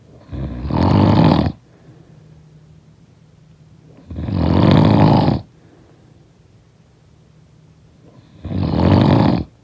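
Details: Snoring sound-effect recording: loud rattling snores on each breath in, about 16 a minute, with quiet breathing out between them.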